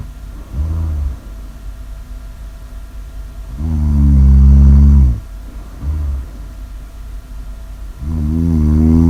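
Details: Snoring: loud, low, rattling snores with a fluttering, rough tone, about three in nine seconds, separated by quieter breathing.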